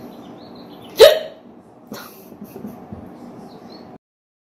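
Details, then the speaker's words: Adult woman with frequent hiccups, tired and yawning, trying to stop them by plugging her nose and drinking water: a single sharp, abrupt hiccup-like gulp, then quieter throat and mouth sounds. "se I just take it hiccups so often and I just hate them I really hate them all right I'm gonna try plugging my nose and drinking water because I gotta get rid of these before my zoom call"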